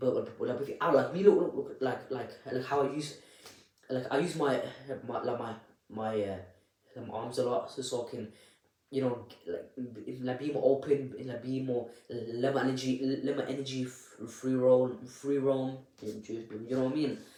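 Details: Adult with a stammer (stuttering) speaking unedited, with audible repetitions of words and syllables; stuttering.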